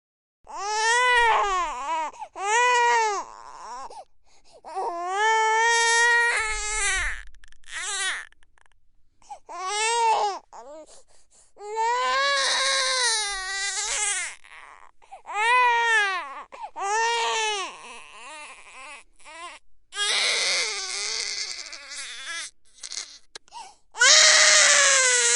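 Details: 3-month-old infant crying, recorded on a Røde NT1 microphone in a sound booth: repeated loud, tonal wails separated by short breaths.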